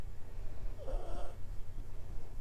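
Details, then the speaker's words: Short snorting, snore-like breathing from a resting dog that is 75% pug, typical of its flat-faced airway, heard during a dog yoga breathing session. "And noticing, so for him, there's a little bit of snoring, very typical with someone who is 75% pug. There's a lot of snoring, so you'll hear all sorts of interesting sounds throughout our series."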